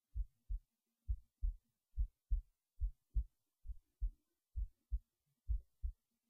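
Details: Heartbeat while resting in bed late at night before sleep: regular paired lub-dub thumps at about 67 beats a minute; normal resting heartbeat.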